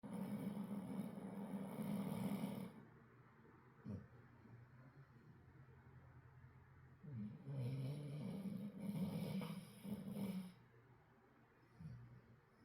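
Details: Sleeping puppy snoring very loudly: long, low rumbling snores separated by quiet pauses of several seconds.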